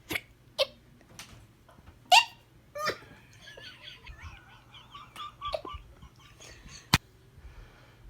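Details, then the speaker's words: Several sharp, abrupt gulping catches at irregular intervals in a quiet room, with faint background voices; hiccups. "Oh my goodness. It's the hiccups. It's a hiccup."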